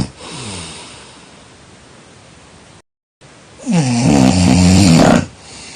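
Loud, low, rattling snore on inhalation after a quieter breath; a typical snore.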